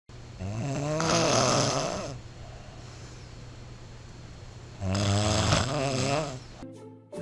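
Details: Two long, loud, vibrating snores with a quiet pause between, over background music, presented as an example of heavy snoring in a piece on sleep disorders and CPAP devices; snoring.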